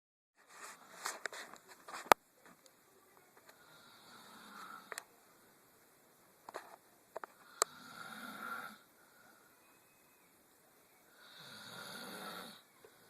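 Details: Person snoring during sleep in a quiet room: several rough, fluttering breaths separated by pauses, with a few soft clicks.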